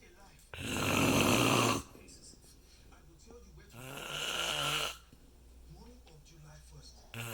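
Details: Man snoring at night: two loud, rough snores several seconds apart with quiet breathing between, then a third beginning just when he seems to have stopped.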